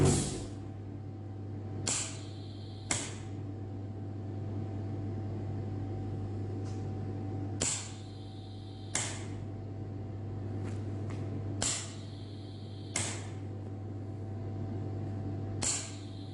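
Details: Medical ventilator running: steady mechanical hum with paired hissing valve puffs about every four seconds as it cycles breaths.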